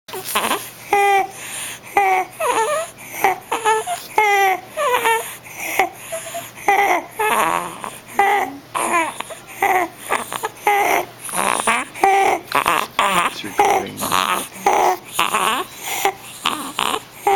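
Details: Young child crying and vocalizing in short bursts with harsh noisy breaths between them: stridor from croup.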